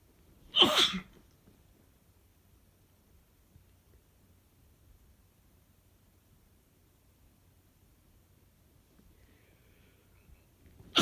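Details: Adult male's allergy sneezing: one sharp, forceful sneeze, then a quiet room and the start of another sneeze at the very end.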